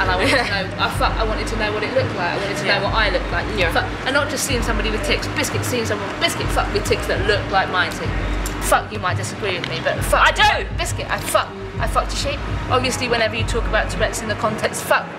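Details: Young person with Tourette syndrome, in a documentary, speaking with repeated involuntary vocal tics of the word 'biscuit' and swear words; vocal tics with coprolalia (Tourette syndrome).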